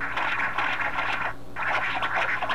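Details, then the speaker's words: 13-year-old dog with heart murmur, echocardiogram with Esaote MyLab Class C, pulsed-wave Doppler: harsh, rushing flow noise in repeated surges with brief pause; mitral regurgitation, enlarged left atrium noted. "so we'll put a pulse wave Doppler on it there it is so you can hear it and also see it"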